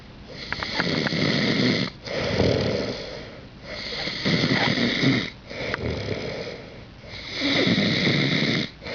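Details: Loud, rattling snores with each breath, about 18 breaths a minute in a steady rhythm; ordinary snoring.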